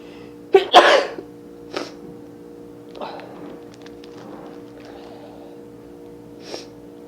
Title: Sneezing nose blowing kleenex